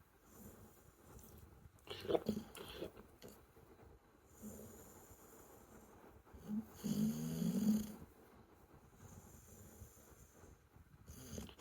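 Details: American Bully dog snoring while asleep, pig-like: irregular, rough, snorting snores with long quiet gaps between breaths and some soft background talk.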